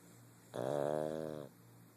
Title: Winston the pug snoring like an old man.